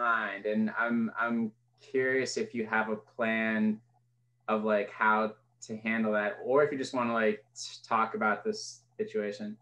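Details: Adult woman; fluent speech.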